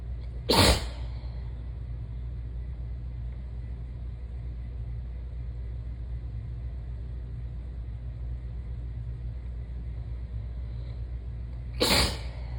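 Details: Sneezing at the beginning of a cold: two sharp sneezes about eleven seconds apart over a steady low engine-like rumble.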